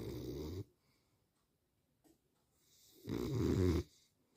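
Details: Dog sleeping and snoring: two low rumbling snores about two and a half seconds apart, with quiet pauses between breaths.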